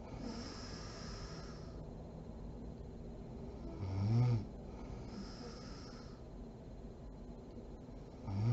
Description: SNORING MOM SLEEPING SERIES PART 39